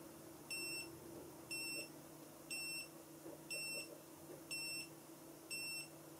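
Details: Regular electronic beeps, about one per second, from a Checkme BP2W home blood pressure monitor with ECG while recording a palm-to-palm ECG; the rhythm reads as normal sinus rhythm at 73 a minute.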